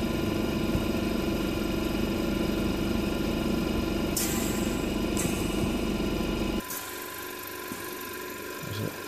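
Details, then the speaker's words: Respironics Millennium oxygen concentrator opened up for teardown, pressure swing adsorption type: very shaky compressor running with steady mechanical hum and rapid vibration, then a sudden drop to a quieter hiss. "yes that's a very shaky compressor actually"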